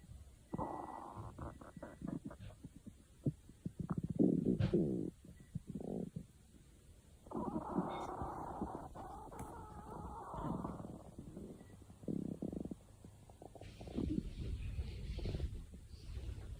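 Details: Long low gurgling rumbles and bubbly pops over several seconds: ordinary stomach growling (borborygmi), a normal sound of gut movement.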